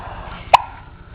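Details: A single abrupt, brief gulping hiccup against quiet room noise, from a baby being encouraged to hold his head up and roll over; repeated hiccup episode; hiccups.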